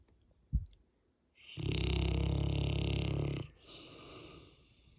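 A single loud, deep, rattling snore lasting about two seconds, followed by a quieter breath, from a large sleeping dog.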